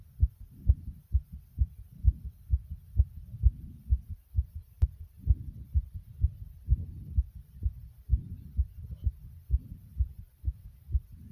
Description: Listen to my heart as it it pounding from inside my chest.